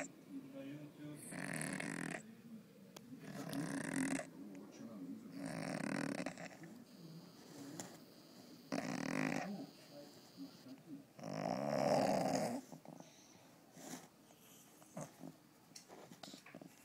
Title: Cat snoring in the sink